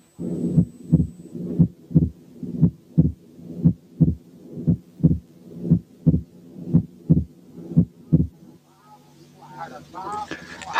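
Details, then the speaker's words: Atrial septal defect, heard over the pulmonary area with the stethoscope diaphragm: regular heartbeat near 58 a minute with fixed wide splitting of the second heart sound. "حالة 3 كان فيكسد وايد سبيتنج سكند ساوند في حالة اتريال سيبتال ديفكت."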